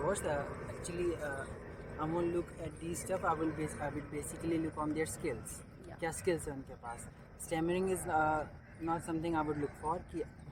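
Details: Adult man who stammers, interviewed outdoors in a park about his stammering; stuttering.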